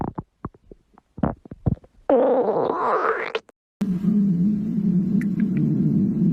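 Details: Stomach growling: short gurgles and a rising squeaky gurgle, then a steady low rumbling growl; borborygmi.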